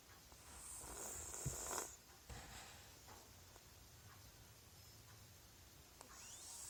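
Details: Soft, rough breathing from a sleeping cat, with faint snort-like snoring sounds over quiet room noise; snoring.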